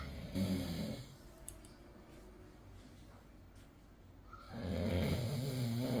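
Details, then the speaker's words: Medium-loud snoring from an adult man asleep in the morning; his wife says he usually snores much louder and denies snoring. "এটা হচ্ছে মানে তোমার দাদা ভাইয়ের মানে মিডিয়াম শব্দে নাক ডাকা। এর চাইতে অনেক জোরে জোরে লাউডলি নাক নাক ডাকে।"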